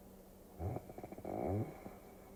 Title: Tokyo Cruising for Sleep Induction with Snoring Sounds #relax #sleep イビキの音でぐっすり快眠